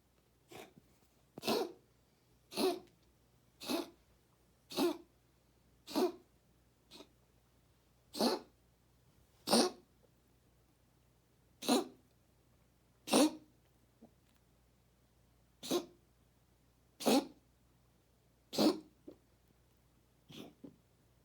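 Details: A cat makes repeated sharp, noisy snorting inhalations, a reverse sneezing episode recorded for the vet to see.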